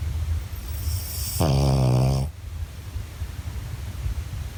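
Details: Tired dog snoring: one deep, buzzing snore about a second long over steady low background rumble; ordinary snoring.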